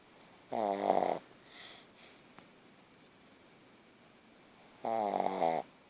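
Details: 9-month-old puppy snoring, owner notes her tonsils are very large: two short, buzzing, honking snores about four seconds apart, with quiet breathing between.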